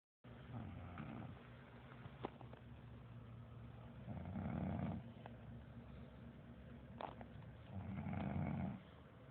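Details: Fart-like snoring: low, rumbling snores on the breath in, about two to three in nine seconds, over a quiet, steady room hum.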